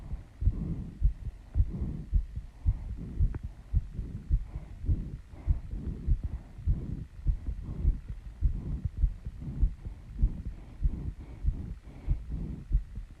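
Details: Female's fast heartbeat after running and squats, slowing from the start, still out of breath: rapid regular thumping heartbeat, about 100 beats a minute, with a faint hum behind it; fast heartbeat after exercise.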